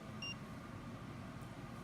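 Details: One short electronic beep from a CADD-MS 3 subcutaneous Remodulin infusion pump over low room hum, as a button is pressed to confirm the dose and start delivery during set-up.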